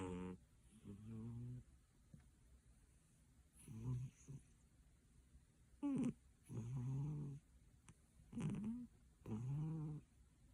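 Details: Low, buzzing snores from a sleeping, heavy-set cat at an uneven pace with short pauses between breaths; owner suspects sleep apnea.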